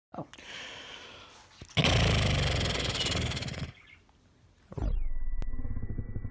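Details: Adult man (father) snoring: loud, rough, rattling snoring on the in-breath, with a fluttering, horse-like snort quality between quieter breaths.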